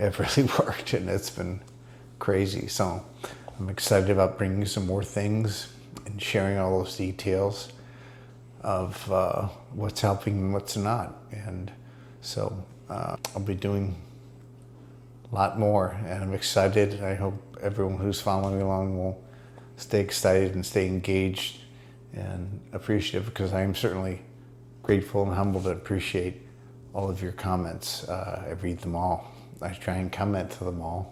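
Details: Adult man, speaking; mild dysarthria (multiple system atrophy).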